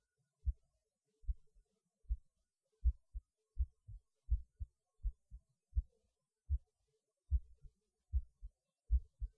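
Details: Normal heartbeat recorded during lunch after the person felt their heart beating harder while eating, which they say is usual for them. Clear, regular lub-dub at about 80 beats per minute; the rate is little changed.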